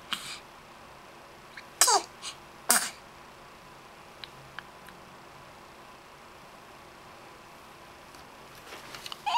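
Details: Baby sneezing: two quick, sharp sneezes a second apart with soft sniffs and rustles in a quiet room.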